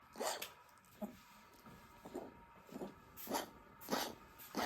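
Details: Eleven-year-old small dog with stage C heart disease: about seven short, harsh hacking coughs, worsening from early morning with whitened tongue; vet diagnosed cardiogenic pulmonary edema, treated as an emergency with diuretics.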